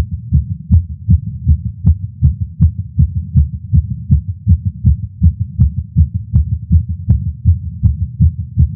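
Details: Fast, regular heartbeat at about 155 to 160 beats a minute through a stethoscope, from a male smoking a cigar after a long break and feeling lightheaded; tachycardia attributed to nicotine.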